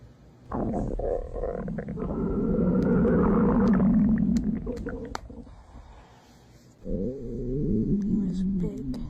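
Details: Stomach growling (borborygmi) after eating: long, low gurgling and rumbling from the belly in two stretches.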